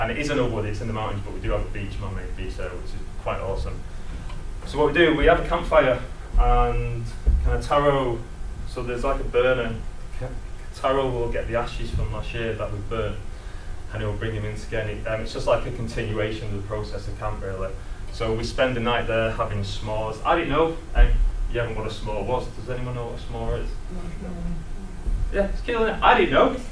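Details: Stammering in an adult man who describes himself as a person who stammers.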